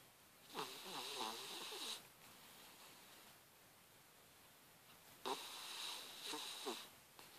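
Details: A sleeping puppy gives two long, raspy, whistling snores with quiet pauses between; ordinary snoring.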